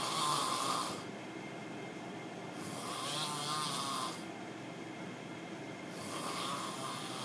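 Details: Super noisy, loud, disturbing snoring from a roommate.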